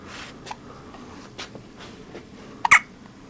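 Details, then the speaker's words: Newborn girl on her second day of life, sleepy, with hiccups like those felt in the womb; several small, abrupt catches at irregular intervals, one louder burst near the end. "so here we are day two just got her dressed her little littlefit and she's got the hiccups on"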